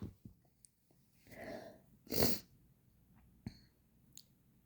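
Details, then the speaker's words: One sharp, wet sneeze after an audible in-breath build-up, covered with toilet paper; sneezer attempting less girly sneezes, left nostril sensitive, eyes watering. "Yes, these are wet. My god. Oh my god. I feel like my left nostril is much more sensitive today for some reason."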